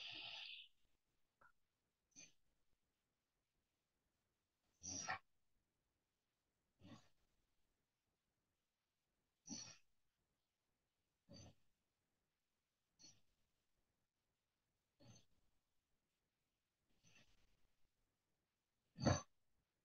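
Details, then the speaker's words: Adult's own overnight sleep recording from a snoring-monitor phone app: quiet, short snorting sounds about every two seconds, mild snoring, rated 2 points for the night; snoring indicates some sleep airway obstruction. "好，那呃，你大概听到之后，诶，真的是有一点点那个打鼾的声音嘛，哈。"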